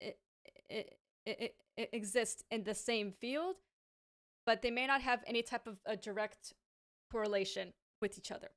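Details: Adult woman with a lifelong stammer, native English speaker and fluent in Hebrew as a second language, who says it is now worse in Hebrew and worsens with pressure, anxiety and being rushed: stuttering.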